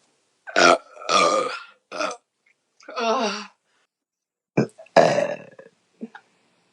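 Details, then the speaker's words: Woman burping after chugging seltzer and beer: several loud, throaty burps in a row, some long and rumbling, short gaps between, in a quiet room; burping. "wow that was like three different tones it was like um a musical instrument that was only half a beer"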